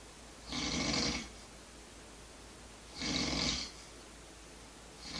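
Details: Person snoring: two long, rough, rasping breath sounds about two seconds apart, with quiet between them.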